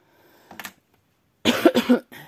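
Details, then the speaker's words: Severe choking cough with wheezes and expectorated sputum, coughing for hours without a break, throat also sore (suspected tonsillitis); a faint short cough, then a harsh chesty cough burst with phlegm and a brief pause. "он душит кашель душит кашель так причем им с хрипами причем он отхаркивающее он прямо идет вот отсюда и с хрипами"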